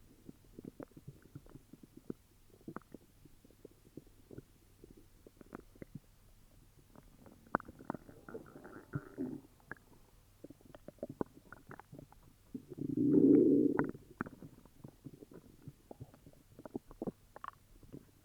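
Irregular gurgling and rumbling bowel sounds with one louder, longer growl; stomach growling from an upset stomach.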